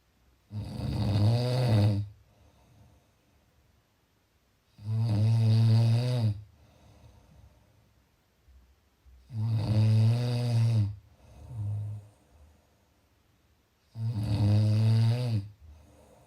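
Loud, rattling snores on breathing in, about 13 a minute, with quiet breaths out between them; snoring.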